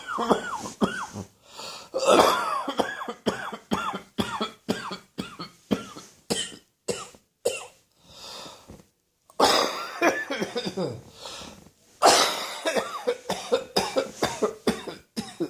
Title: More Allergy Coughing